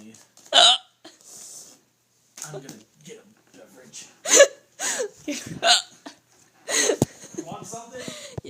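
Sharp, sudden vocal catches with a gasp-like onset recur irregularly among quiet breaths and murmurs, fitting hiccups.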